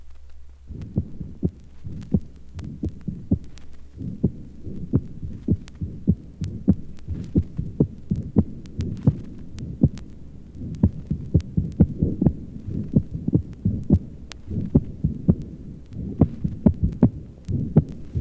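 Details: Regular paired heart sounds over the pulmonic area in an old 1955 recording with faint hum; the second sound is loud and sharp, an accentuated second heart sound (loud P2) from pulmonary hypertension.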